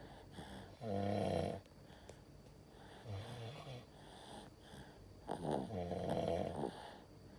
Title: He snore like a monster🤭 #baby #babyboy #cutebaby #cute #quatro #sleepyface